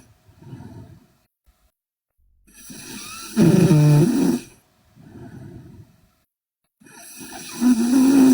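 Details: Loud, rough snoring on slow breaths, about four breaths heard, quieter breaths between: heavy snoring in a sleeping Korean girl.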